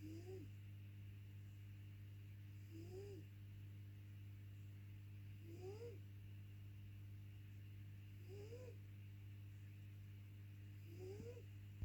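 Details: Feral ginger cat sleeping: soft, regular snores about every 2.7 seconds, roughly 22 breaths a minute, over a steady low hum; light snoring.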